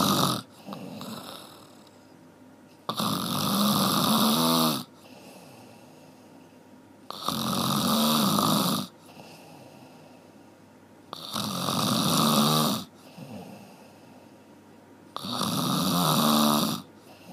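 Regular loud, rough snores on each in-breath, about 15 breaths a minute, with quieter breathing between them.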